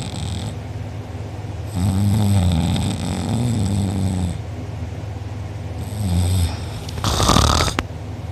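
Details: Self-reported loud snoring recorded by a sister while the sleeper was out cold with mouth open and drooling, with a sore uvula and soft palate afterward: loud, rough, low-pitched snores with each breath in, separated by quieter breathing; heavy snoring.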